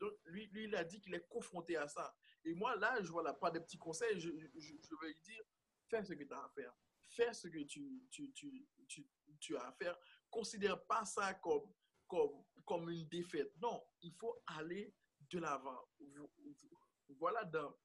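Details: Speech of an adult man who stutters, in an interview; stuttering.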